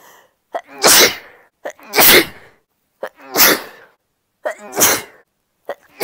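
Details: Sneezing fit: four forceful sneezes in a row, each preceded by a quick in-breath before the explosive burst.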